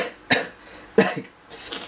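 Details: Adult vlogger during Ramadan, saying he is sick with wheezing going on, gives two short, harsh coughs, a smaller burst after the second, then a breathy exhale in a quiet room.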